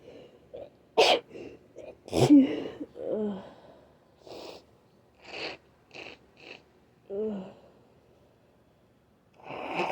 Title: Trying to Induce (wet and cloggy sniffles, groaning, coughing, 8 stifled sneezes and nose blows)